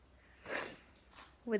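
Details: Sneeze from allergies: a single sharp, hissing nasal burst followed by a brief voiced sound.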